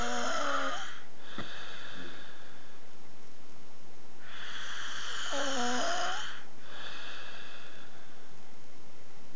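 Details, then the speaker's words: A man snoring at night in a hotel room in Vienna, recorded by his friends: loud, rattling snores with a tonal moaning edge, two long cycles with quieter breaths between, from a vibrating upper airway. "He's snoring and disturbing us in Vienna. We are in a hotel and you're going to visit a very special guy and with a very special snoring sound."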